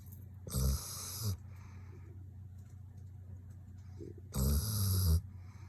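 Two low, rough, rattling snores a few seconds apart, heard on the in-breath of a sleeping dog; a steady low hum runs underneath.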